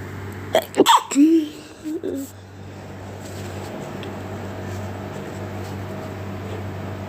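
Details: Repeated rapid sneezes in a row with a voiced catch during an illness, followed by steady engine-like background hum; sneezing fit.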